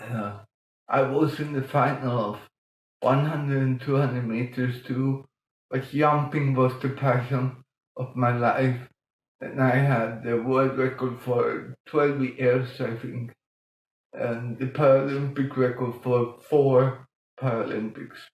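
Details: Adult man with mild cerebral palsy from lack of oxygen at birth in 1958; as a child he talked while breathing in, and says music later helped him breathe differently and talk more intelligibly; mild dysarthria in cerebral palsy.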